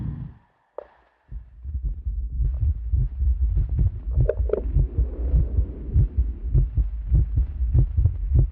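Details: Live human body sound installation: steady deep amplified heartbeat, about 100 beats a minute, possibly processed, with a low hum underneath; normal heart sounds.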